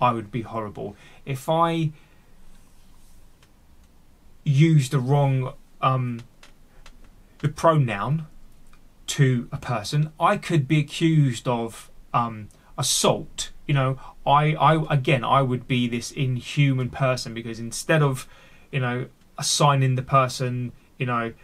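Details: Adult male who stammers and has had speech therapy, with word and part-word repetitions left unedited; stuttering.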